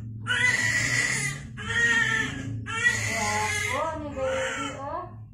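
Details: Strong, repeated high-pitched cries from a large newborn just after a midwife-led normal spontaneous vaginal delivery in hospital, with voices and room noise behind; a normal vigorous newborn cry.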